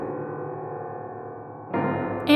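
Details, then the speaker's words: Simulated diplacusis on a digital "Diplacusis Piano" built to reproduce the experience: sustained, slightly detuned piano notes that beat and clash, with the dissonance building over time. "You can hear how the detuned notes clash with one another,"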